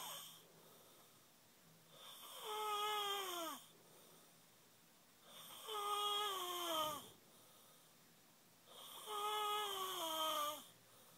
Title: Snoring his heart out